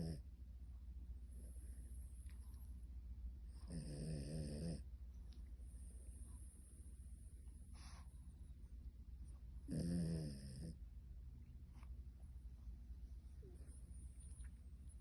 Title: She sleeps with one eye open and snoring 😃#shorts